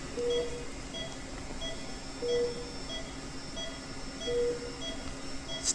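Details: Soft, repeating cardiac monitor beeps at an irregular pace of about 30 a minute over room noise. A Philips anesthesia monitor with a BP cuff and pulse oximeter is compared with a Smartix Hybrid smartwatch; readings include BP 123/72 and SpO2 97.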